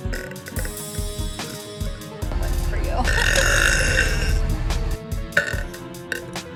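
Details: Adult woman burping: one long, loud, low rumbling burp lasting a few seconds, with music in the background.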